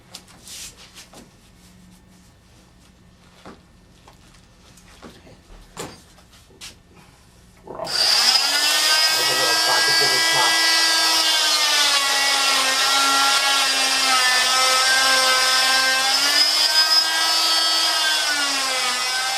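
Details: Removing a total contact cast from the leg and foot: quiet handling noises, then a loud, steady high-pitched whine as an oscillating cast saw makes lateral clamshell cuts through the fiberglass cast.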